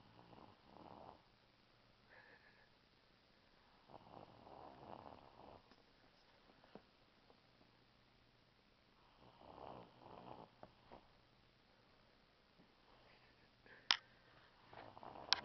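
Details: Light, rasping snores recurring every four to five seconds, with a few clicks, from a 6-year-old boy in REM sleep who sometimes jumps a little while sleeping; loud snoring.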